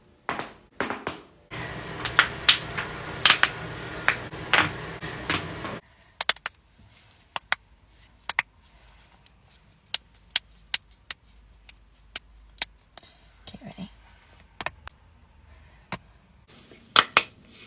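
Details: Sharp, isolated pops and clicks from joints, some in quick pairs; joint cracking (cavitation).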